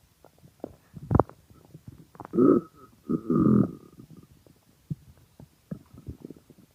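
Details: Extremely hungry stomach growling (borborygmi): low gurgling rumbles in two longer bursts with scattered short pops and clicks between them; loud hunger-related bowel sounds.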